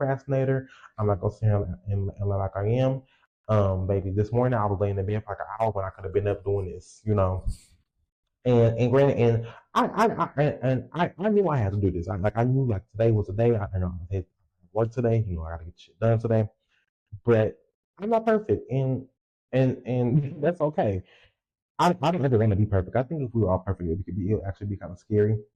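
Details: 20-year-old female podcaster who says she has a speech impediment and has stuttered her whole life, unedited; word and part-word repetitions; stuttering.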